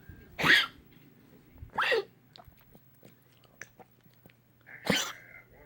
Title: Stella coughing